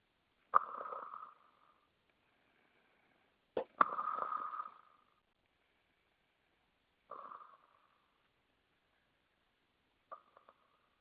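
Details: Four rough, rattling snores a few seconds apart, with quiet gaps between them; ordinary snoring.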